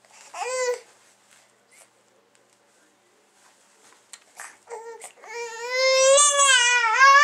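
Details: Baby girl with new teeth: brief wail, a pause with small fussing noises, then a sustained loud cry in a small room; ordinary infant crying.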